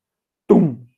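A man vocally imitates a heartbeat with two syllables, a louder 'tum' then a softer one, mimicking normal heart sounds.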